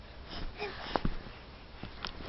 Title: Baby Hiccups